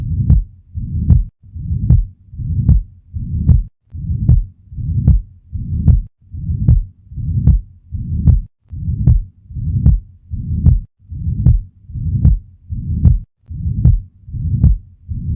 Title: VENTRICULAR SEPTAL DEFECT - LOWER LEFT STERNAL BORDER | HEART SOUNDS | AUSCULTATION | MURMUR